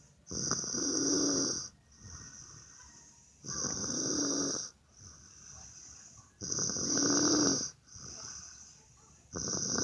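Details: A person snoring in a hotel: loud, harsh, vibrating breaths in, each followed by a softer breath out, about 18 breaths a minute; steady snoring.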